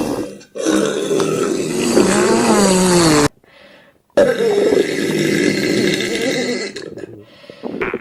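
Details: Two long, loud, rumbling belches in a small room, separated by a brief pause; belching.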